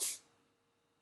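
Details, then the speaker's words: A single small, hissy sneeze from one with a cold, then near silence. "my god did you hear that little sneeze that's Oliver he has a cold he has a cold he's feeling very sorry for himself"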